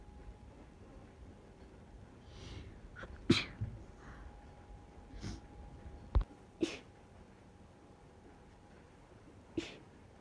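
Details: Stifled sneezes into tissues on a train, in the worst hay fever the person has had, or possibly a cold: about four small, stifled sneezes against quiet train noise; sneezing fit.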